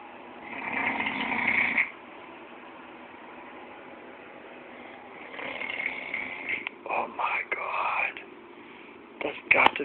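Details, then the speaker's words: Harsh, rasping snores on the in-breath, then a run of short snorting bursts; very loud snoring recorded thinly on a phone in a bedroom, with background music. "the loudest snore I ever heard in my life"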